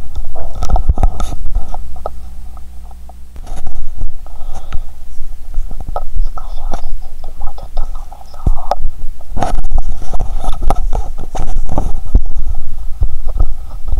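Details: Stethoscope on the abdomen after drinking cola with Mentos, belly swollen and painful, lying on bed: loud gurgling, bubbling and rumbling runs with brief quieter pauses, active bowel sounds (borborygmi).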